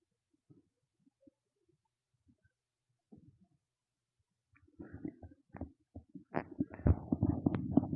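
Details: Soft scattered gurgles, then a louder run of bubbling, rumbling gut noises from a hungry stomach; borborygmi (stomach growling).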